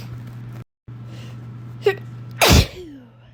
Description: little compilation of some of the sneezes i’ve been able to capture throughout the day! coming down with a cold?? or winter allergies??